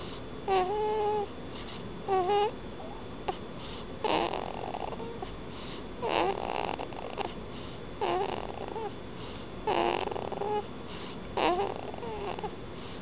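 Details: A newborn on his first night in hospital, snoring in his sleep: noisy, snorting, squeaky breaths with short voiced sounds at about 34 a minute. This is infant snoring.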